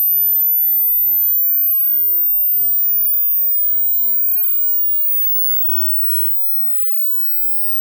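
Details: Hearing test tone for careful headphone listening at normal volume, frequencies shown on screen: a very high, thin, steady tone at the top of the hearing range fading to silence, part of a frequency sweep.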